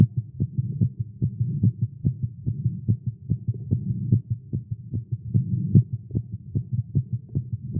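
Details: Male, exercising with caffeine; tagged irregular heartbeat. A rapid, low thumping heartbeat at roughly 145 beats a minute with slightly uneven spacing: a fast heartbeat (tachycardia).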